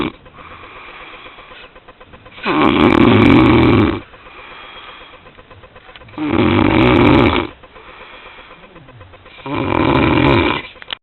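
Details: Three loud, rough inspiratory snores at about 17 a minute, with quiet breathing and low room noise between, from a person sleeping after a night of partying; ordinary snoring.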